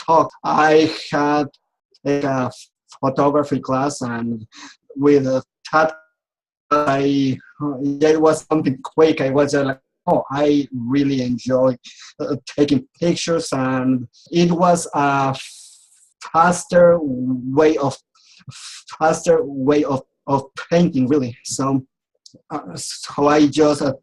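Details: Adult man who has stuttered since age 4 and says he still clearly stutters; speech therapy and support groups helped him; stuttering.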